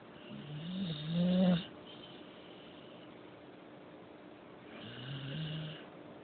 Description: Our dog is so spoiled. Sleeping with pillows and blankets. He even snores